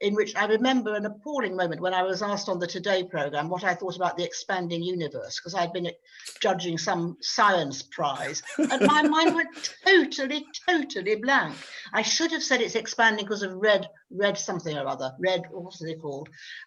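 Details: Adult female novelist who stammers very intermittently, describing it as a fluctuating condition with trouble on B words; stammering (stuttering).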